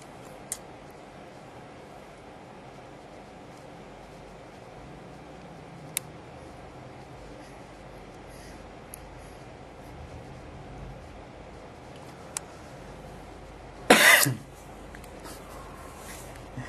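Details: Single loud, brief adult cough (baby's father coughing) in an otherwise quiet room with a few faint clicks; the baby startles.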